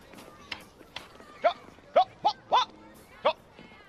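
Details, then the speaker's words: Five short, sharp vocal yelps in quick succession over quiet room noise, acted by a boy in a dramatized film about Tourette syndrome; a bystander remarks that he makes more noise than an air horn. Vocal tics of Tourette syndrome. "You make more noise than my air horn. Sounds like you got a healthy case of Tourette's."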